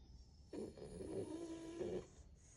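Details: A sleeping French Bulldog puppy snoring: one drawn-out, low rattling snore with a faint steady tone through it; ordinary snoring.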